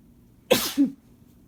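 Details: Single abrupt, forceful sneeze from an adult male, with a brief voiced tail, out of quiet.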